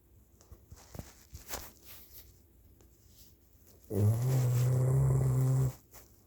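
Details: Dog napping: after quiet soft breathing, one loud, low, rumbling snore lasting about two seconds; snoring.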